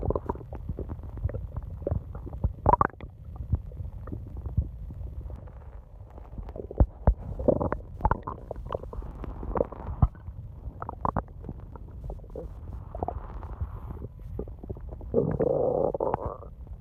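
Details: Long night-time stomach growling (part 1): low rumbling and gurgling with bubbly pops from the belly as gas and fluid move through the gut; borborygmi.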